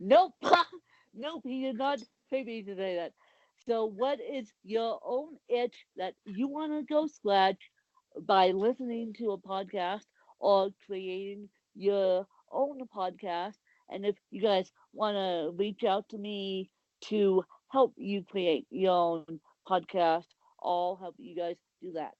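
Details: Adult woman with cerebral palsy (an author and Ironman competitor) speaking in a podcast interview; speech in cerebral palsy, possibly dysarthric (the speech difference is not named).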